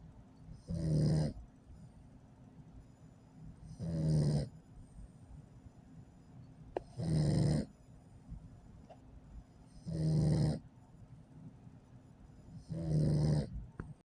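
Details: An 8-week-old Pit Bull puppy, asleep after a 2-mile walk, gives regular soft snores of about 20 per minute, each a short vibrating sound on inhalation; ordinary sleep snoring.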